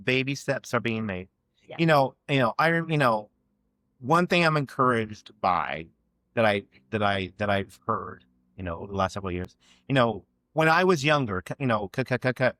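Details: Adult man who has stuttered since childhood and had years of speech therapy aimed at fluency; real, spontaneous conversational speech with stuttering.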